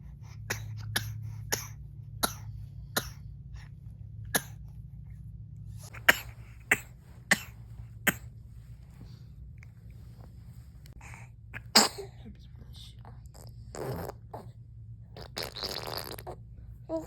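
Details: An infant deliberately making a series of short, light fake coughs in play rather than from illness; voluntary (fake) cough.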